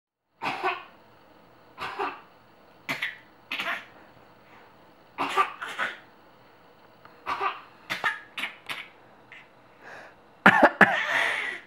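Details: 7-month-old infant making short, dry, deliberate voluntary coughs, repeated playfully as back-and-forth communication rather than illness.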